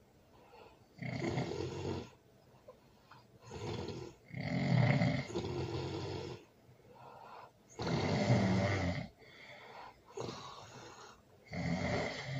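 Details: Loud snoring during sleep, recorded with a baby present: deep, rattling snores with each breath, fast, uneven breathing with rough noise on breathing in and out.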